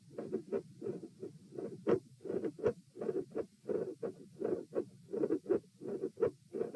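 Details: Auscultation stress test at chest position P, with the subject lying, sitting, standing, then lying again (72 bpm supine, 84 sitting, 108 standing): heart sounds with a mid-systolic click and a split second heart sound (S2).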